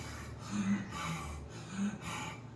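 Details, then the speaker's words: Teacher's imitation of the laboured breathing of a pneumonia patient: forced, noisy gasping breaths, about two in 2.5 seconds, as the patient forcibly pulls in air because the body needs oxygen; contrasted with silent normal breathing. "ऐसी आवाज आती है, क्योंकि सांस जबरदस्ती अब खींच रहा है, बॉडी में ऑक्सीजन चाहिए,"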